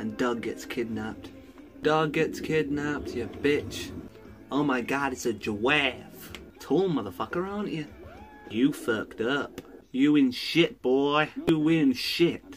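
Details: Tourette syndrome vocal tics, including coprolalia and random phrases; real.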